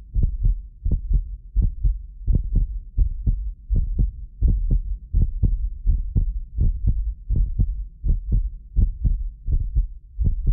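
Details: Heartbeat of a medically fit adult recorded with more than six precision contact microphones; steady low thumping at about 80 a minute, some beats doubled by a 6 ms microphone delay echo; normal heart sounds.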